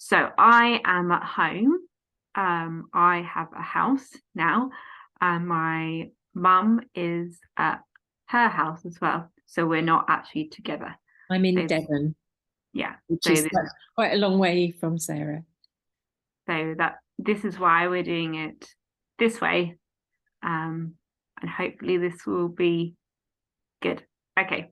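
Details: Adult woman, 14 years after a stroke at age 18, with post-stroke aphasia affecting speech, reading, writing and understanding numbers; aphasia.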